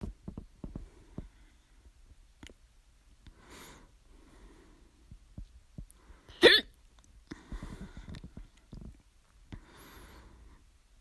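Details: Loud bout of hiccups that began at 11:24 p.m. and persisted despite drinking water and breath-holding: repeated sharp, abrupt gulping hiccups at irregular intervals in a quiet room, one notably loud.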